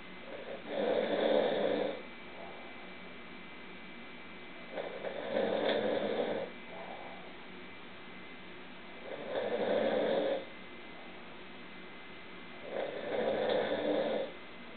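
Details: Four rough, rattling snores at a steady pace, about 16 a minute, with quiet breathing between them; ordinary snoring.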